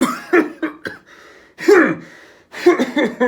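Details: Acted demonstration of a weak cough too weak to clear the throat, in a physiotherapy exercise video on weak swallow and cough: weak, throaty coughs and throat clearing with little force.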